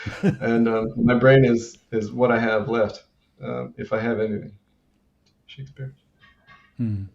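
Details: Adult man with Tourette syndrome who reports self-injurious motor tics, grunting and name-calling outbursts; a repeated interjected word appears in his speech; vocal tics (Tourette syndrome).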